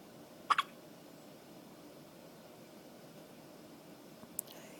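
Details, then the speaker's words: A child's hiccups: a sharp, quick double hiccup followed by a fainter one a few seconds later, in a quiet room, while also passing gas. "You got the hiccups? Worst part is he's tooting at the same time."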